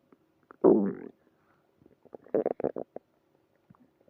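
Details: Stomach growling in the early morning: a loud gurgling growl followed by a run of short bubbling pops in a quiet room, consistent with normal borborygmi.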